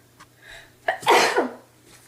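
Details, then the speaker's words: Girl sneezing with suspected allergies/sinus trouble after trying to hold it in: a short inhaled catch followed by a single forceful sneeze. "I'm Excuse me I I was trying to hold in that sneeze but it was not happening mom"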